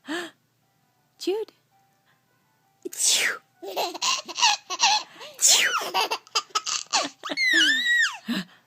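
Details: An adult's sharp sneezes followed by a baby's giggles and squeals of laughter; ordinary sneezing.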